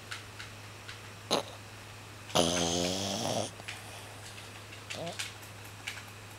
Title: I Do NOT Snore